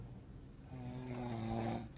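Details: Sleeping person whose snoring kept others awake all weekend: loud, steady, low rumbling snore with a droning buzz through the breath, growing louder toward the end.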